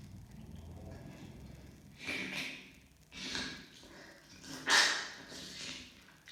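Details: Person sneezing, expelling snot onto face: several forceful nasal bursts and snorts with sharp hissing air and a quick intake before the loudest one; sneezing and snorting.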